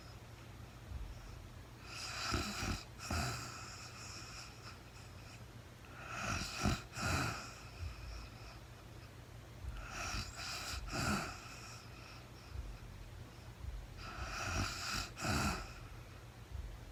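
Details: Real-time sleep recording of a woman snoring, no talking: rough, rattling snores on each breath, about 15 a minute, with quiet pauses between, in a small room.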